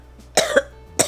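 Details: Three short, harsh coughs in quick succession from an adult woman with a cold, in a quiet room.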